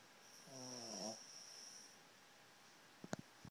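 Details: A single buzzy, rattling snore on the in-breath, then quiet breathing and a few soft clicks, from a sleeper snoring with eyes open; snoring.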